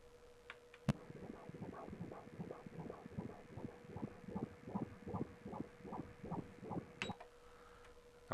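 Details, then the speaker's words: Fetal heart at 20 weeks on ultrasound with Doppler, rate measured at about 157 beats a minute: rapid, regular whooshing beats, a normal, strongly beating fetal heart. "a un cœur qui bat très très bien donc ça c'est beau"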